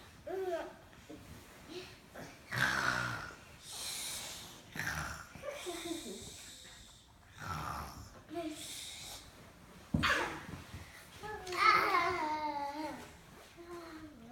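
Irregular snorting and whistling breath noises during sleep, uneven in pitch and loudness, consistent with snoring.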